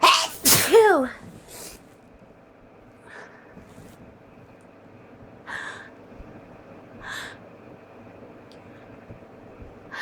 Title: More stuck sneezes